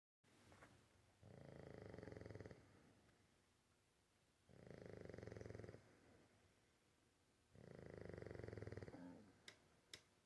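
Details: Loud rattling snores on each inhaled breath, about 20 breaths a minute, with quieter exhalations between, from a sleeping bulldog; snoring.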